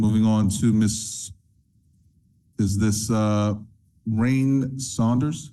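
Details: Adult male speaker; typical voice.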